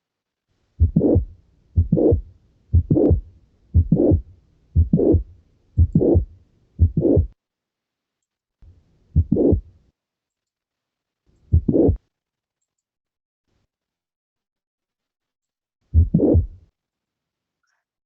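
Regular heartbeats near 60 a minute with a brief rough sound late in each beat, then irregular pauses: a late systolic murmur of mitral valve prolapse.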